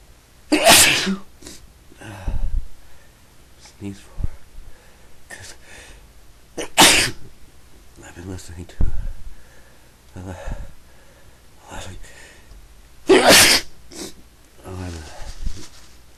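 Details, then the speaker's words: Three loud explosive sneezes spaced several seconds apart, with sniffing and breathing between; repeated sneezing on a day of frequent sneezing, possibly seasonal in summer. "I've been sneezing a lot today so I thought I would take the need to make a recording"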